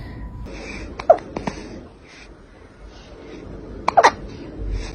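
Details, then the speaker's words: Hiccups in a kitten. "oh hello have you got hiccups do you have the hiccups oh baby be"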